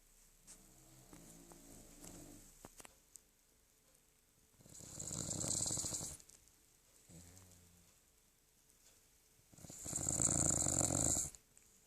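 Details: Two long, raspy, hissing snores about five seconds apart, with softer whistling breaths between, from a 13-year-old poodle; snoring.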